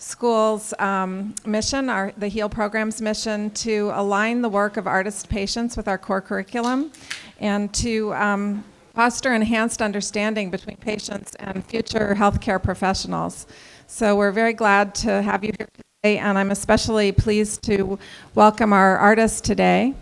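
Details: Adult woman speaking; normal speech.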